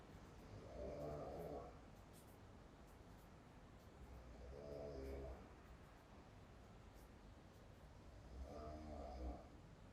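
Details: Snoring while on holiday: soft rhythmic snores with a fluttering buzz, about every 3.5 seconds (roughly 16 a minute), over faint room noise.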